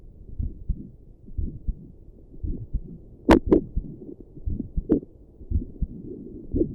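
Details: Normal heartbeat at rest, sitting at a desk, recorded with combined Doppler and stethoscope audio.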